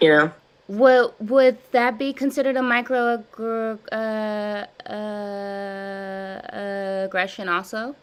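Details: Adult woman with stuttering since childhood, with severe blocks, in a live stuttering therapy session practicing voluntary stuttering and cancellations; word repetitions and revisions; stuttering.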